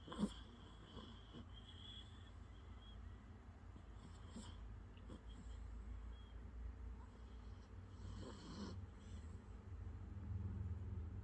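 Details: Soft, low rumbling snores with occasional snorts from a sleeping puppy, over steady low room hum: puppy snoring.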